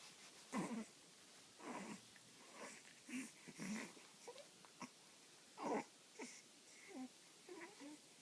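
A series of short, sharp nasal bursts, several in eight seconds, with soft snuffling between them, fitting repeated sneezes in a quiet room.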